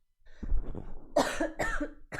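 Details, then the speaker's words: Cough from a 24-year-old streamer who says they cough so much all night: a short run of about three harsh, voiced coughs in a small room. "um matt i cough so much all night"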